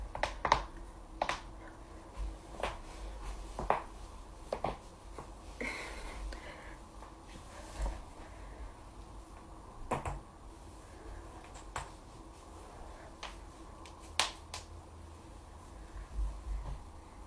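Series of sharp, isolated pops from joints being cracked, heard against quiet room noise.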